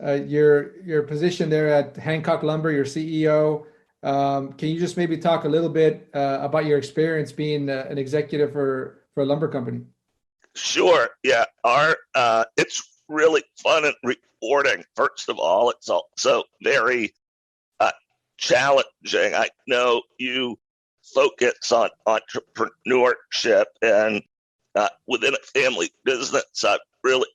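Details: Adult man with a rare neurological voice disorder acquired in 2012 that made speaking difficult, still audible in his speech today; neurological voice disorder, likely spasmodic dysphonia.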